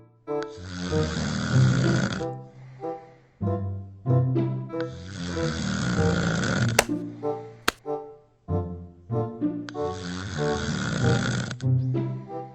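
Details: Snoring from a 3D animated comedy video, not a real recording: loud, long rattling snores, about 12 a minute, with music playing behind them; heavy snoring.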